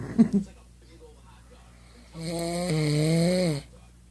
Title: This guy snores